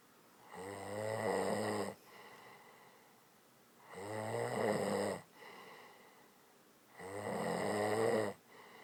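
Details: Three loud, rattling, growly snores on the in-breath from a sleeping woman, about 19 a minute, with quiet out-breaths between; heavy snoring.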